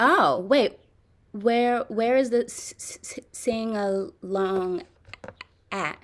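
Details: Adult woman with stuttering since childhood, with severe blocks, in a live stuttering therapy session practicing voluntary stuttering and cancellations; word repetitions and revisions; stuttering.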